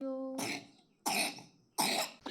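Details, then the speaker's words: Young child with three days of heavy cough: three quick coughs in succession, with a brief voiced sound before the first. "చూసారు కదండి, మా 3 డేస్గా full దగ్గుగా ఉంది."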